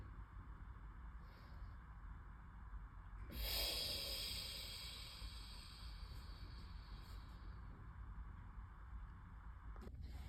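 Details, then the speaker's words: 35-year-old man with pneumonia (fever, productive cough, dyspnea for 5 days) during respiratory physiotherapy, hands on chest and below ribs, draws one deep breath in on instruction, then quiet breath hold. "All right. So, I'm going to have you take in a breath. So, yep. Hold it."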